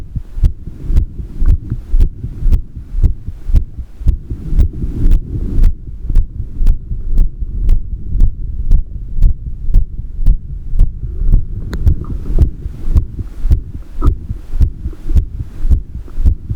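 Steady, regular low heartbeat thumps at about 115 a minute over a low hum; a normal adult heartbeat.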